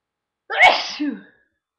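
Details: Sneeze after hours of working out in cold air, with itchy running nose, deliberately helped out: a single sharp explosive sneeze with a breathy burst fading into a brief voiced tail.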